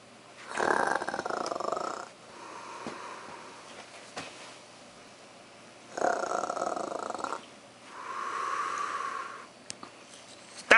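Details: Person snoring while asleep: loud rough snores on breathing in, followed by softer airy breaths out, about six breaths a minute.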